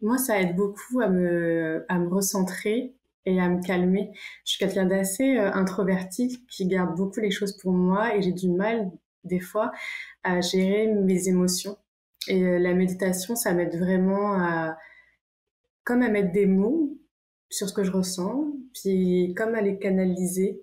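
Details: Person who stutters, involved in a guided-meditation project for stuttering, who practises meditation; stuttering.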